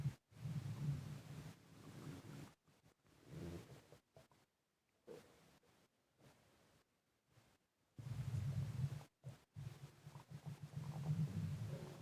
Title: Heavy breathing and stomach gurgling